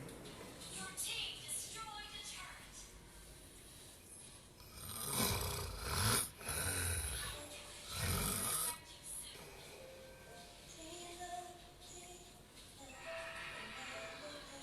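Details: Male's loud snoring, labelled sleep apnea snoring: a few loud, harsh snores against faint background music and tones; no breathing pauses stand out.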